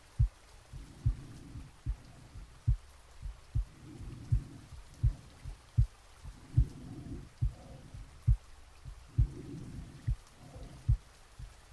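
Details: Soft regular heartbeats at a slow resting rate with faint breathing, really recorded from the chest during sleep, under added gentle rain; normal heart sounds.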